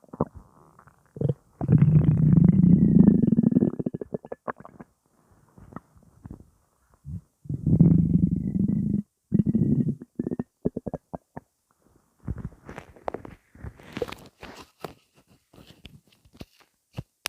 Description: Nothing in here just gas